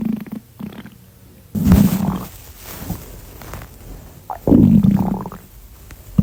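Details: Loud, low gurgling rumbles in two main bursts with quieter bubbling between; stomach growling (borborygmi).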